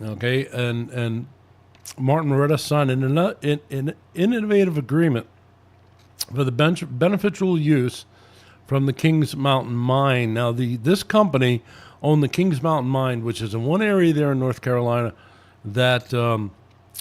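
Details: Adult male speaker; Normal voice.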